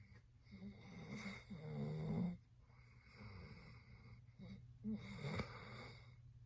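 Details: A sleeping dog snores, with rough, rattling snores in long noisy breaths, loud then quieter; ordinary snoring.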